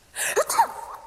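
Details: Acted sneeze in a drama scene: a single short sneeze, quick intake of breath then a sharp expulsive burst.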